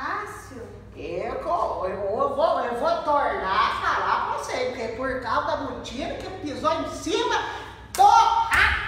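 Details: Acted comedy sketch in which the character, asked to name an object, answers with fluent, nonsensical speech instead; Wernicke's aphasia (fluent jargon speech), acted.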